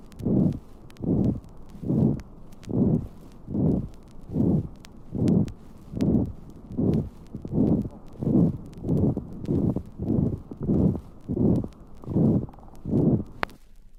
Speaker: Interventricular septal defect recorded in the fourth intercostal space on the left side of the sternum. The heart sounds are drowned in a rough systolic murmur.